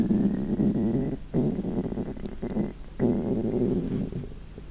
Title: Hewwo Stomach Growling